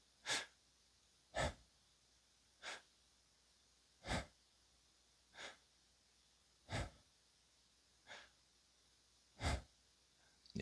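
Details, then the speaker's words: Man imitating the shallow breathing he had at age 27–29 on high-dose Percocet, i.e. opioid-induced respiratory depression while lying in bed at night: short, shallow breath puffs at about 22 a minute. "I absolutely remember lying in bed at night and my breath sounds were so shallow and I'm going to try to give you an example of how my breath sounds would sound and it would be like"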